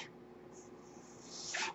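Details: Mechanical ventilator breathing cycle heard behind a podcaster who notes the noise is his own ventilator: a soft steady hiss in a quiet room, then a brief rush of airy hissing as a breath is delivered.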